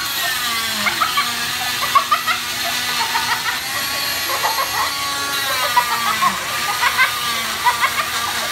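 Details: High-pitched buzzing whine of an oscillating cast saw cutting a child's healed-bone cast at a pediatric orthopedic clinic, with the patient giggling from the tickling vibration; cast removal.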